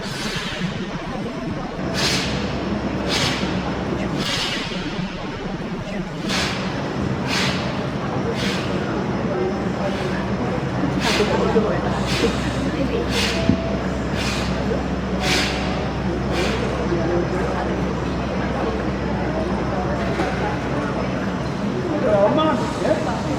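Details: Giant panda Dede (younger brother) sneezing repeatedly, about thirteen short sharp bursts roughly a second apart, over steady background hum; recorded 17 September 2025.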